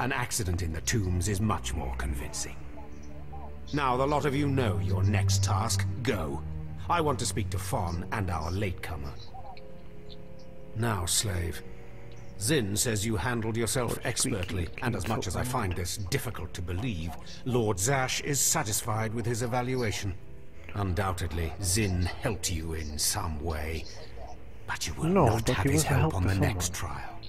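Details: Adult male voice actor, game dialogue with background music; ordinary speech.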